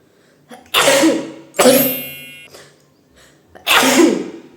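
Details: Three forceful induced sneezes during a sneezing challenge, each a short inward breath then a loud explosive burst, set off by sniffing chili flakes; nose and mouth burning reported.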